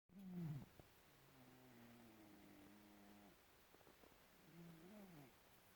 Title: Snowball the snoring cat